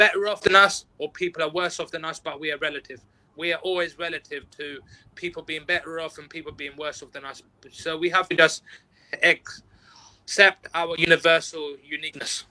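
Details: Stuttering in an adult interview guest who practises mindfulness and neuro-linguistic programming and says he has overcome stuttering at work through working on himself.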